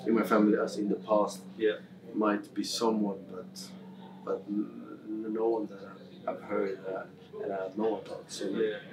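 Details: Adult male who has stammered since about age six, with severity varying from day to day; stammering.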